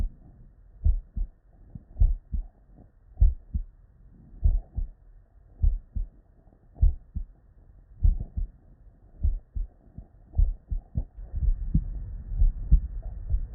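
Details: Real, unedited bedside auscultation of a human with normal cardiac physiology: steady paired lub-dub beats around 60 a minute with no extra sounds, normal first and second heart sounds.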